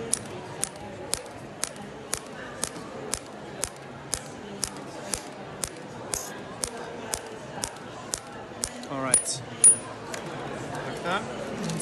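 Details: Storz Medical SPINE-ACTOR forked radial shockwave transmitter on an athlete's tight thoracic spine, mobilizing the vertebral joints and paravertebral muscles, with brief muscle twitches that settle; sharp, regular tapping clicks about two per second over room noise.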